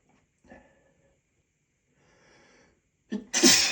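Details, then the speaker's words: Male with allergies during a sneezing fit: faint catching breaths, then a strong sneeze partly held back, with a muffled explosive burst; a stifled allergic sneeze. "These are so hard to stifle."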